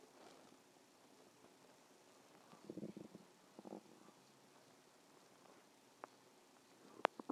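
Quiet room with a few brief gurgling rumbles; ordinary stomach growling from gas and fluid moving through the gut.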